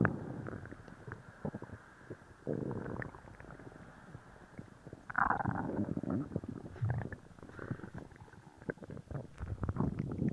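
Repeated low gurgling and growling rumbles from the belly; active bowel sounds after a laxative.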